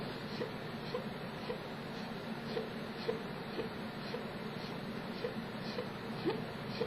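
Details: Young person under 21 with chronic hiccups (singultus), awaiting a neurologist visit, pausing to hiccup for about a minute; the hiccups are described as reduced compared with before.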